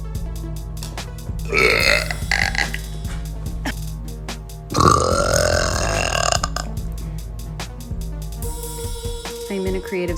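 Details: Woman burping voluntarily in her car: two long, loud, rumbling belches over background music and clatter.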